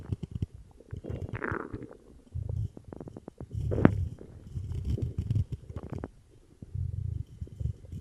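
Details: Stomach growling after drinking cola: frequent low gurgles, bubbling bursts and rumbles in close succession, active bowel sounds (borborygmi).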